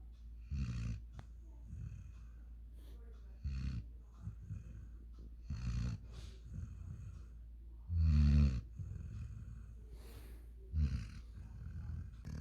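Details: Deep, irregular snoring and snorting breaths, several per ten seconds, from a sleeping 5-month-old German Shepherd x African Boerboel dog.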